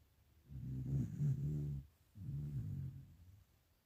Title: lo toke roncando Jajaj